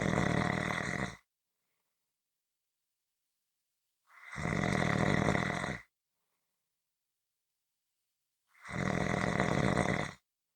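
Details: Three long, loud, rough snores about four seconds apart with near silence between them; ordinary snoring.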